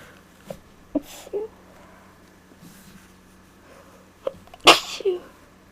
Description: I had a small tickle. Hope you Enjoy.